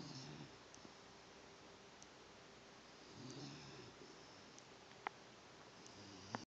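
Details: Female pet dog snoring while asleep: soft, rhythmic snuffling breaths with faint snorts; quiet animal snoring.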